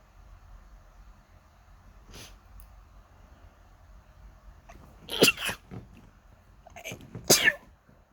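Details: Just woken with an itchy nose: quiet room, then a faint sneeze followed by two loud, sharp sneezes in quick succession; repeated sneezing.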